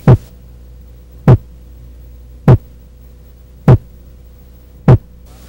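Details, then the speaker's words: Normal second heart sound, from aortic and pulmonary valve closure, higher-pitched and shorter than the first, after a short silence; regular short heart sounds at about 50 a minute over a steady low hum. "o som da segunda dúvida é mais agudo e sua duração é menor quando comparada à primeira bulha"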